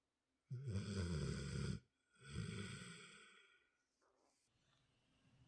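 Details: Napping at dinner time while snoring: two deep, rattling, fluttery snoring breaths, the second fading slowly, then quiet.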